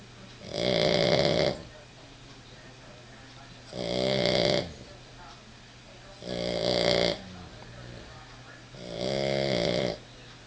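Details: A female animal snoring at night in bed, said to sound just like a human: four loud, rattling snores roughly every 2.7 seconds, about 22 a minute, with quiet pauses between; ordinary snoring.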